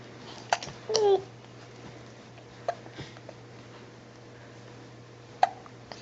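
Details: Baby hiccups: several abrupt, short voiced catches at irregular intervals in a quiet room.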